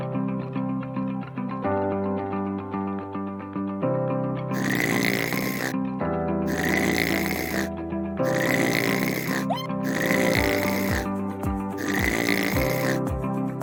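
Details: Loud, rough snoring over steady background music, presented as snoring to be stopped by an anti-snoring device for mild to moderate obstructive sleep apnea; snoring.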